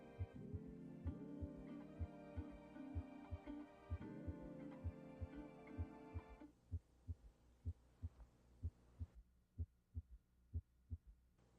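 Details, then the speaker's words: Simulated heart sounds at about 63 a minute with a faint early diastolic third sound, a physiologic S3 from rapid early diastolic ventricular filling that decelerates and sets up vibrations in a normal patient. "it's due to the fact that blood goes rushing and accelerating into the ventricle in early diastilly and then decelerates normally but that sets up vibrations in the normal patient"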